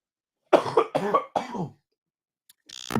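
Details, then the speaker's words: Adult male live sports commentator, feeling short of breath and wheezy: three quick, harsh, voiced coughs in a row, then a brief pause and breath; cough. "good Lord if I sound like I'm wheezing into this mug it's cuz I am"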